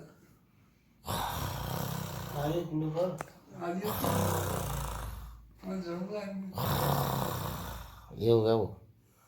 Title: Get Rid of Snoring with different position or posture...